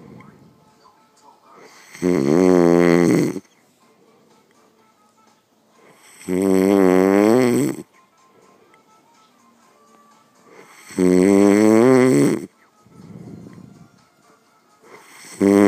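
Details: Adult man (a father) asleep, heavy snoring: loud, rattling, strongly voiced snores on each in-breath, about 14 a minute, with quiet out-breaths between.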